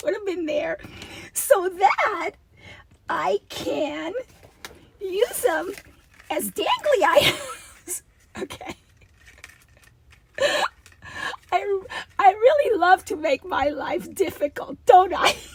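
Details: Adult woman with a recurring double-voice episode that she says requires a return to voice therapy when it happens, with a rasp she feels vibrating below her vocal cords; diplophonia (double voice).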